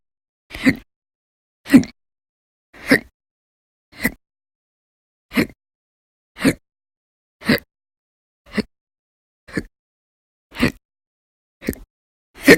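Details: Loud, abrupt, violent hiccups about once a second, roughly 56 a minute, against silence; persistent hiccup episodes in November 2019, some lasting many hours.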